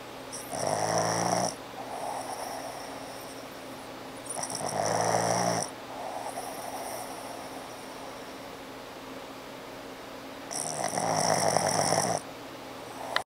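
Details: Snoring during sleep with a squishy face: loud buzzing snores on each in-breath with quieter whistling out-breaths, about 11 breaths a minute.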